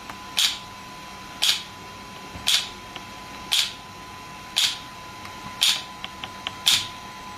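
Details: Shockwave therapy device (SW5S) for erectile dysfunction and plantar fasciitis, applied with gel while the patient's feet rest on the support: sharp regular snapping pulses, about one per second, over a faint steady hum.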